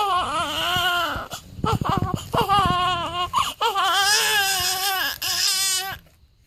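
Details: Day-7 newborn during weigh-in: loud, strong crying in bursts with brief catches of breath between cries; infant cry.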